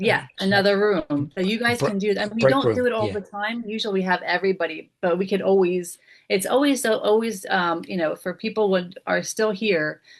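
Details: Support group member recovering from a brain injury with aphasia; aphasia.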